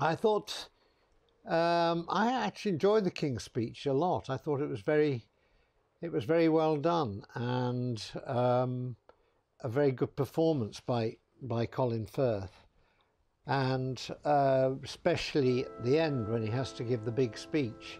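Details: Adult man; typical speech.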